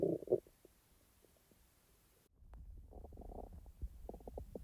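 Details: Real stomach sounds, not recorded in real time: soft gurgles and bubbling rumbles in bursts with quiet gaps; normal bowel sounds (borborygmi) of active digestion.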